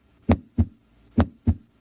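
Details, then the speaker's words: Educational heart sound clip for health-science students: two clear heart cycles of crisp lub-dub sounds, about 70 beats a minute, with quiet gaps between them. This is a normally functioning heart, normal heart sounds. "es el sonido de un corazón que funciona normalmente"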